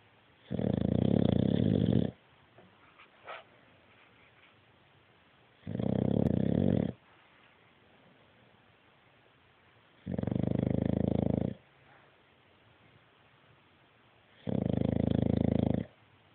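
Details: Dog snoring: four loud, rough, rumbling snores about every four seconds, roughly 15 breaths a minute.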